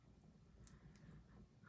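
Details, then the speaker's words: Adult's audible stomach growl: a faint, low, bubbly, irregular rumbling gurgle over quiet room noise; borborygmi. "Did you hear my tummy growl? Oh, my tummy's growling."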